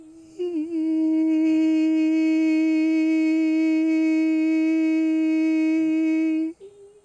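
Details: Sustained phonation at E4 in the same patient, mainly thyroarytenoid muscle engagement before the cricothyroid muscle is activated; sustained phonation at E4.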